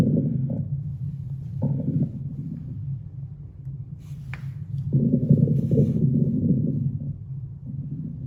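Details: Abdominal auscultation through a stethoscope: low gurgling and rumbling bursts recurring irregularly; normal bowel sounds.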